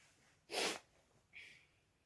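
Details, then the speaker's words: A single sharp explosive sneeze followed by a brief hiss of breath in a quiet room. "कि जब किसी मुसलमान को छील आए तो इसको चाहिए हमदुलिल्ला पड़े"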